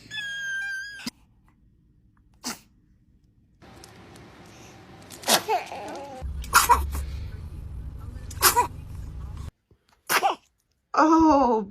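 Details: Baby sneezing several times in quick succession, short sharp sneezes with an adult's voice and background noise; repeated sneezing.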